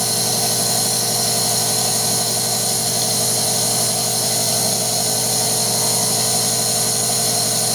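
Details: Guinea pig with a minor upper respiratory infection getting vet-prescribed medication as vapor: steady, loud, unbroken hum and hiss of a nebulizer compressor running.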